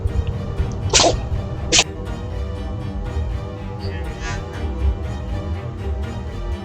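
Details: Cat sneezing just after catching a mouse: two quick, sharp hissing bursts over background music.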